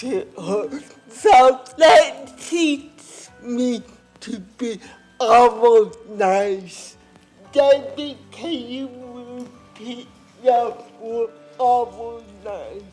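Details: Adult woman with cerebral palsy and lifelong speech impairment, who first spoke at age four and was understood early on only by her sister; dysarthria (cerebral palsy).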